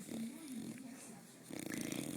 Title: Squishy bulldog snoring